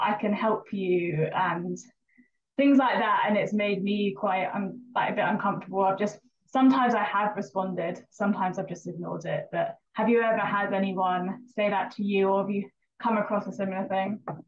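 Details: Stuttering, real, in a female vlogger with a stammer who had speech therapy in primary school from ages 10 to 12.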